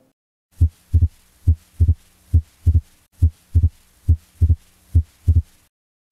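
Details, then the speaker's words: Wide fixed splitting of S2 as in atrial septal defect, split unchanged with respiration (recording from stethoscope library): regular heartbeat near 68 a minute, single S1 and clearly split S2 on every beat. "i hope you have understood the concept why it is wide and fixed in asd and this is how it is heard"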